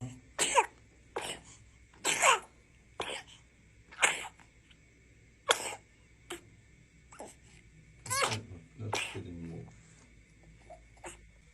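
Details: A cough.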